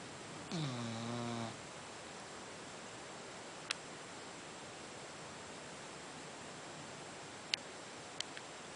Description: snores -- you might have to turn up the volume a little.